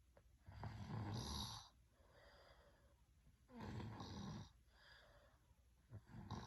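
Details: Loud, low, fluttering snores on each breath in, about 20 a minute, with quieter breathing out between them: regular snoring.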